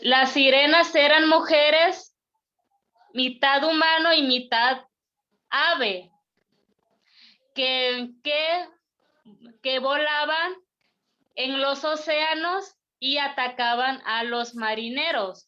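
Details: Stuttering in a participant from Acapulco, Mexico, speaking at a stuttering group's public-speaking practice session, with pauses mid-phrase.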